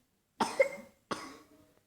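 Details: Young child who keeps coughing and also feels warm and dizzy coughs twice in quick succession, each sharp burst fading off within about half a second.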